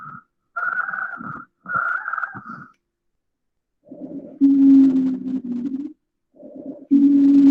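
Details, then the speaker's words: Teaching recording of airway obstruction: musical, whistling breath sounds recurring with each breath, longer and louder in expiration, predominantly expiratory; wheeze. "bien es como te lo dice el nombre sibilas silva y es predominantemente giratoria"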